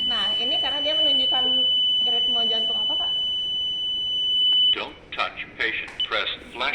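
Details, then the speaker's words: Training automatic external defibrillator (AED Pro) demonstration: a steady high-pitched alert tone, then brief voice prompts as the device analyses the rhythm and indicates a shockable rhythm, asking for the shock button to be pressed. "kak ya ini alatnya bilang kalau ini shable tolong dipencet"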